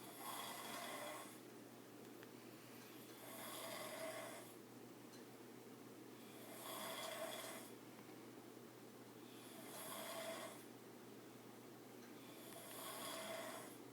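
Steady, regular snoring with a rasping sound on each breath, about 20 breaths a minute, in a quiet room.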